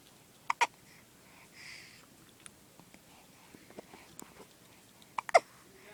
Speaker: Got the hiccups. Has he got the hiccups?